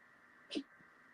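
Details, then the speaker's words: A single short, harsh cough-like burst from a pet against steady room hum, as the owner says she is choking on something she got into. "Mabel. Um, just can you hear her coughing? What a monkey. She just you can't leave anything down. She gets into it."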